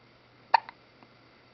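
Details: A single short, sharp voiced gulp against quiet room hum, from a person wearing a frog outfit; hiccups.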